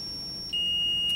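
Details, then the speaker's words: Zoll ZR series defibrillator charging to 30 joules for a self-test shock through the therapy cable into the machine: a steady high-pitched electronic tone that steps up in pitch partway through. "so you'll just turn this to defib we're going to select the energy down to 30 jewles"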